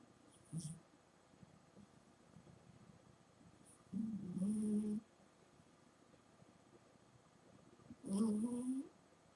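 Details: 18½-year-old cat, unamplified, snoring while asleep: loud, low, fluttering bursts with each breath, about every four seconds; snoring.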